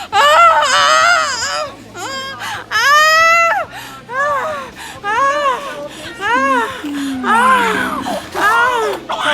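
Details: Repeated loud, high-pitched wailing cries with short gasps of a newborn girl just after a fast, natural birth without an epidural, delivered in three pushes after over 24 hours of labour; a strong, vigorous cry.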